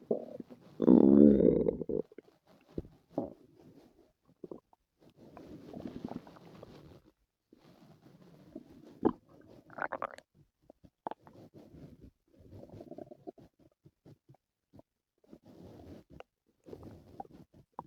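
A loud gurgling growl followed by repeated softer rumbles and gurgles from the belly: active bowel sounds.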